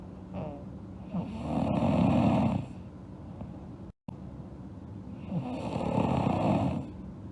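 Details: Sleeping girl snoring: two long, rough, rattling snores about four seconds apart, with quieter breathing between them.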